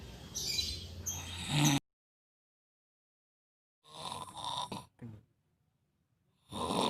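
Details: A person sleeping at night around 2:30 am makes rough, rumbling breathing noises in separate bursts broken by abrupt silent gaps: snoring.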